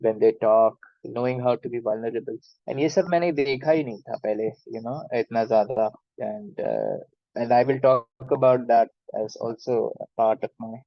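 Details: Stuttering in an adult man who has stammered since childhood; he calls it minor and says he can often hide it; speaking Hindi.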